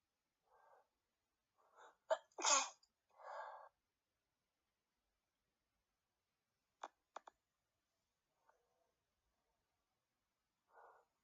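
Breathy intakes building to a full sneeze, then a few short clipped, stifled sneezes; quiet background.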